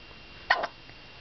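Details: Hiccups in the morning just after waking: one brief, sharp, quiet hiccup sound in a quiet room.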